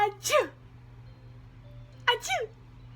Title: Pretending to sneeZe 17 weeks